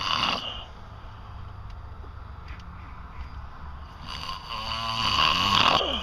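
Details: Sleeping adult's loud sinus snoring, competing with a stereo's volume and with laughter faintly audible: two loud, rough snoring breaths separated by a quiet pause; snoring.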